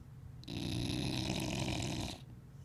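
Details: Sleeping dog, worn out after a weekend with the parents, snoring: a single long, rattling snore on the in-breath.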